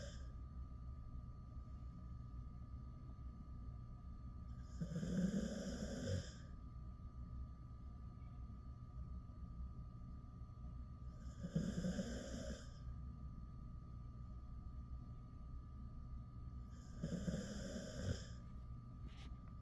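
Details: Soft, rough snores about every six seconds (roughly 10 breaths a minute) over a steady background hum, from a 10-year-old male Jindo dog asleep with his head on a door sill; snoring.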